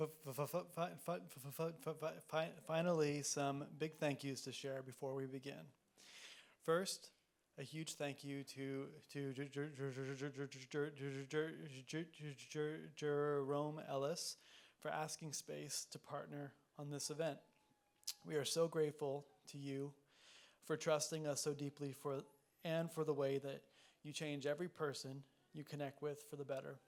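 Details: Person who stutters, speaking at a live event; stuttering, described as a neurological disability causing prolongations, repetitions and blocks.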